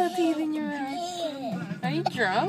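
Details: Baby with watery eyes, who also has hiccups: whiny, wavering voiced fussing that breaks into short crying sounds; a fretful infant cry.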